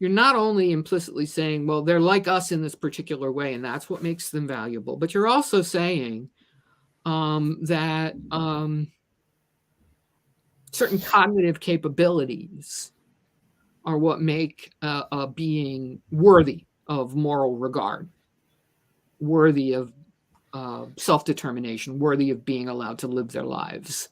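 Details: Adult who stutters and describes themself as a person with a disability; word repetitions heard in their speech; stuttering.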